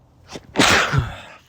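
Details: Male with a cold, tagged sneezing, cold and allergies; single sneeze, a quick sharp inhalation then an explosive burst of air that fades; sneeze.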